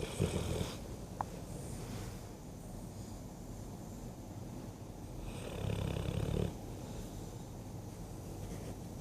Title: dogue de bordeaux dog french mastiff sleeping dreaming and snoring:)